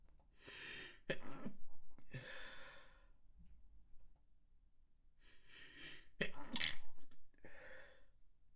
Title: Very Messy Sneezes